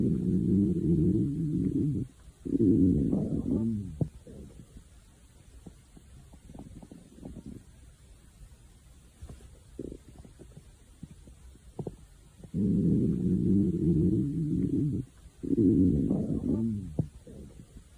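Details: Hunger-related stomach growling: long low growling rumbles in bursts with quiet gaps and faint gurgles; normal borborygmi.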